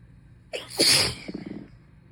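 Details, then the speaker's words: Sick, feverish, congested person with a cold mid sneezing fit, sneezes getting stuck: sharp intake of breath, then one forceful, wet, hissing sneeze with a short trailing exhale. "Oh, they keep getting so stuck. And it's pissing me off. Because I need to sneeze really bad. It's like as soon as one stops, another one starts."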